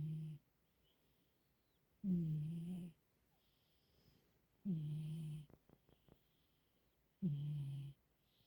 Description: Exactly what it says on the tin: a nice peaceful snooze-y snore session with my baby kitty. Enjoy!